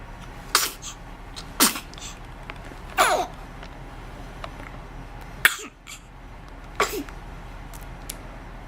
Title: Baby Hiccups